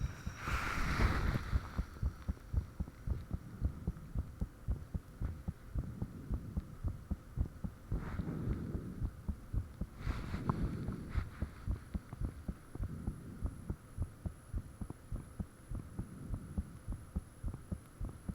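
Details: Own heartbeat recorded with the fan off, shortly after the heart began feeling really thumpy: steady strong low thumps about 110/min, faint whooshing said to be blood rushing, occasional higher noises attributed to valves; heart sounds.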